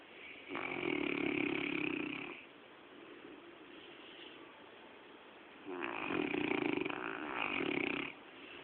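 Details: Saint Bernard dog snoring while asleep during a cuddle: two loud, rough snores with quiet pauses between them; snoring.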